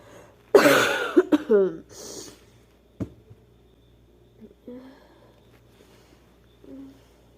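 A loud explosive sneeze followed by a gasp and softer breathy sounds in a quiet room.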